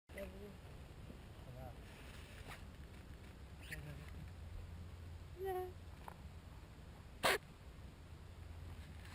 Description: Cute Quokka caught sneezing at the camera not smiling!